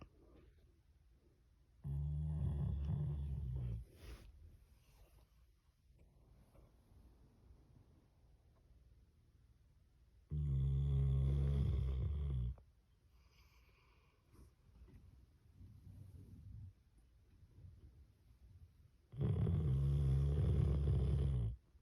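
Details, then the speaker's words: Sleeping dog snoring, two days after being brought inside the house: three long, low rattling snores about eight seconds apart, quiet breathing between. "My dog snores. It's been 2 days since he's been inside the house."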